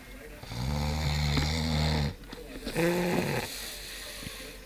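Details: Two loud, rattling snores, a long one on the breath in followed by a shorter one; ordinary heavy snoring after a hard day's racing.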